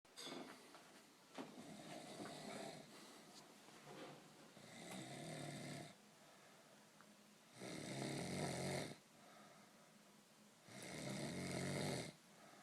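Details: Ordinary rhythmic, rough snoring on each breath in, about 19 a minute, in a quiet room, from a sleeper after a few too many beers.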